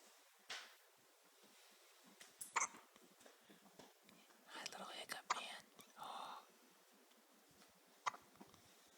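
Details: Infant boy lying down and looking around, with about four brief, sharp hiccup sounds and soft adult whispering in a quiet room; hiccups.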